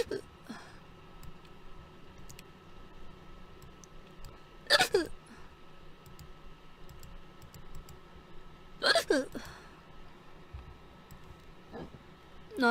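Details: Girl on a live stream with fast hiccups: sharp, abrupt voiced gulps about every four seconds, with keyboard clicking and quiet talk in the background; hiccups.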